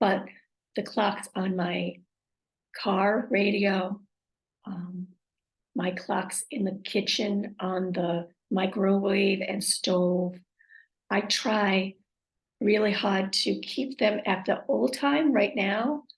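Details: Aphasia with apraxia of speech and dysarthria, acquired after a stroke.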